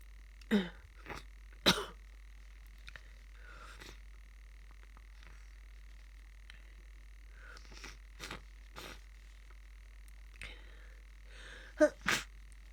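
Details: Person with a cold sneezing into a tissue: four sharp, muffled sneezes, with a steady hum in the room.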